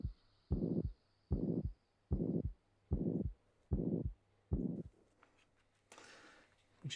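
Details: Simulated OSCE examination with the patient rolled onto the left side, stethoscope at the axilla: regular heartbeat about 75 a minute with a long blowing murmur filling each systole: pansystolic murmur radiating to the axilla.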